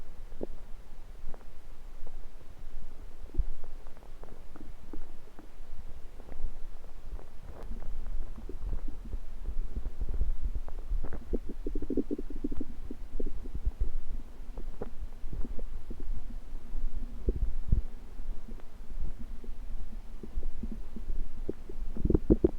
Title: Stomach Noises Random Rumbling